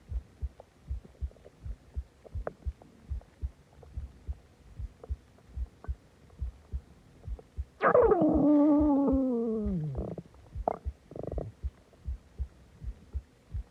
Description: I ate a lot of food and drank a soda and my stomach went crazy